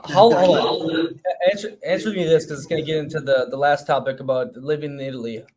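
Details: Adult man speaking; typical voice.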